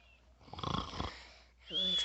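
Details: Sleeping father snoring while his child films and tries to wake him: one rough, rattling snoring breath, then a short voiced sound over faint room noise; ordinary snoring.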